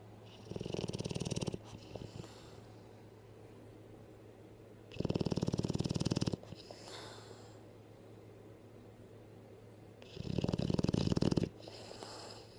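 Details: Sleeping: three loud, rattling snores about five seconds apart over steady low room hum, each a coarse vibrating breath lasting about a second; snoring.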